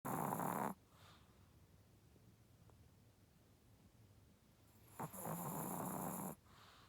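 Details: Sleeping dog snoring so loudly it sounded like a person: two long, loud rattling snores about five seconds apart, with quiet breathing between them; snoring.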